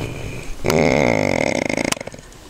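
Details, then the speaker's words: Sleeping sailor on a boat in Dalmatia, Croatia, 2009, snoring: one loud, rattling snore with a buzzing, fluttering quality that breaks up toward its end. "Okay, listen. We're on the hunt for the snore. The snore."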